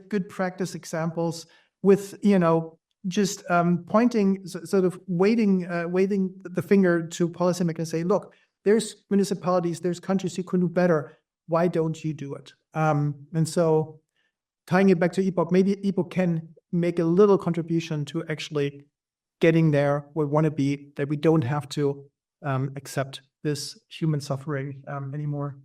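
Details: Adult speaker, panel discussion; ordinary fluent speech.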